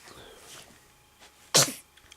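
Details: Male waking from sleep: faint rustling, then one sharp, hissing sneeze in a small room.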